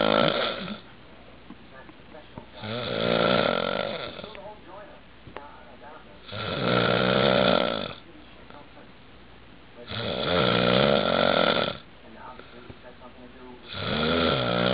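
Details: Steady snoring: loud, rough snores on each breath about every 3.5 seconds, roughly 16 breaths a minute, with quieter breathing between.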